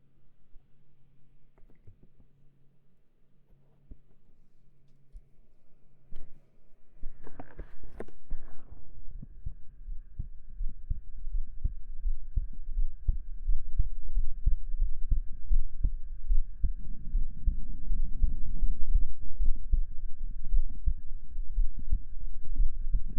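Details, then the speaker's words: Simulated ASMR roleplay in 3DIO binaural: a brief rustle, then steady low thumps of the speaker's own heartbeat offered to the listener through a stethoscope, over a soft quiet hum; normal heartbeat. "Close your eyes for a second, and I'll give you the stethoscope. And not listening to the sound of your heartbeat or someone else's can calm you. So, how about you listen to mine?"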